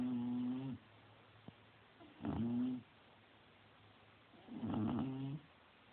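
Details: Bulldog snoring: three drawn-out, droning snores about every two and a half seconds, with quiet pauses between; typical flat-faced dog snoring.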